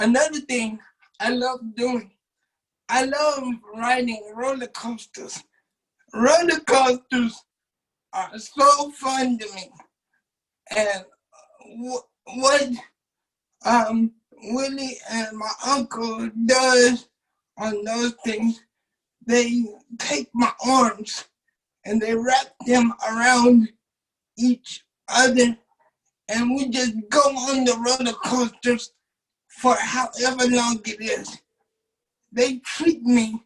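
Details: 27-year-old man with cerebral palsy since birth, wheelchair user, whose muscles do not work like others'; doctors had said he would never talk; dysarthria (cerebral palsy).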